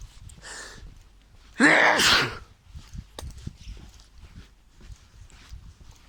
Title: I sneeze as I walk to my bus stop